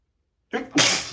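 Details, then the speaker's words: Single sneeze while reading a book aloud: a short in-breath followed by a sharp, forceful hissing burst. "Around 9 or 10 people came to say, I gotta sneeze."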